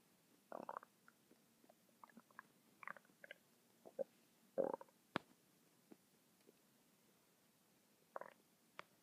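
Scattered gurgles, squelches and soft rumbles from the abdomen in quiet, irregular bursts: ordinary stomach and bowel rumbling.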